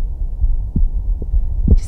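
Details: Person's own real-time heart sounds through the Stemoscope handheld digital stethoscope paired to a phone app: soft low thumps over a steady low hum.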